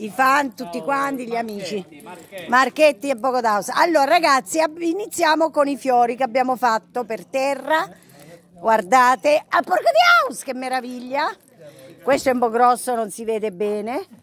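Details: Female vlogger with Tourette syndrome, with involuntary vocal tics including coprolalia (profane words) interjected into her speech.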